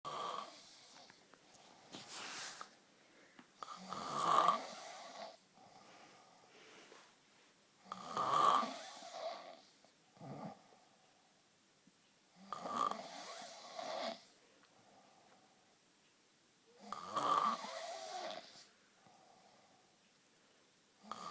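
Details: Boyfriend (adult male) snoring while asleep: loud, rasping snores with a whistling edge about every four seconds, quiet gaps between; ordinary heavy snoring.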